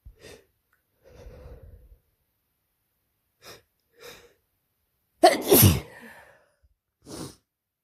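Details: Person with a cold and sore throat that began the night before, after a stressful week working at summer camp: short sniffing inhalations build to one forceful sneeze, then a breath; sneezing.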